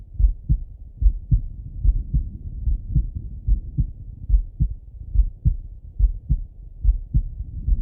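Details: Male heart auscultated with a stethoscope: regular, clean, even lub-dub heartbeat at about 72 beats a minute; normal heart sounds.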